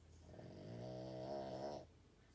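A single long, tonal, rattling snore on the in-breath from a sleeping dog.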